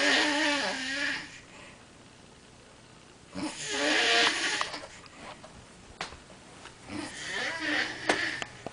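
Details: Woman asleep on a couch, snoring: three harsh, fluttering snores about every three to four seconds, with quiet gaps between.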